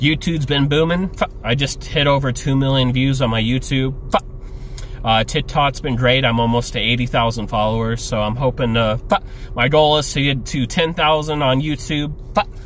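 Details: Adult male with Tourette syndrome, with involuntary noises and utterances during casual speech: vocal tics (Tourette syndrome).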